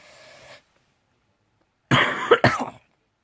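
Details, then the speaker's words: A faint breathy sound, a pause, then two to three harsh coughs in a small room, from an ill vlogger who says they are choking all the way through their work; coughing. "I did crumble all I'm doing chromosome but I'm just choking all the way through it"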